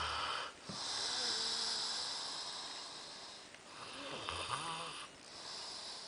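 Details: Overweight adult man snoring while asleep in Spain: loud, harsh sleep breathing with a rough rattling noise on each breath, brief pauses between, faint room noise; heavy snoring.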